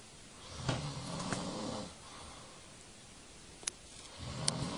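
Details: Man sleeping, low rough snoring breath over about a second, then a few sharp taps of a flyswatter hitting him, and another snore starting; snoring.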